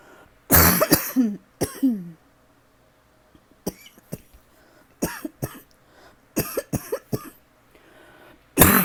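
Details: Persistent dry cough with a tickle that won't go away, coughing all night: about a dozen short, sharp coughs in several bursts, some ending in a brief voiced groan, in a quiet room.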